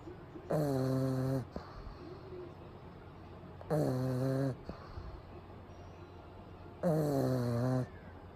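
Loud, buzzing, rattly snores on each breath, about 19 a minute, with quiet gaps between; a dog snoring in its sleep.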